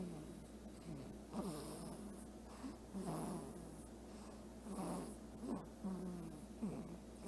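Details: Sleeping pet snoring: repeated low, rumbling snores with snorty bursts on each breath, irregularly spaced, over a steady room hum.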